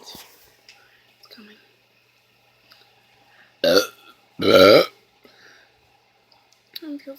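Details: Two loud, voiced belches, the second longer and deeper, after quickly drinking nearly a whole can of Pepsi; deliberate burping with quiet room sounds between.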